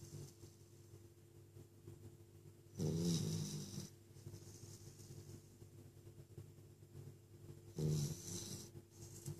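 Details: Sleeping puppy snoring: two slow, rough, rumbling breaths about five seconds apart, roughly twelve a minute, over a low steady hum.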